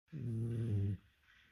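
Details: Snoring cat, described as snoring like a person: one deep, rumbling snore under a second, then quiet breathing in a small room.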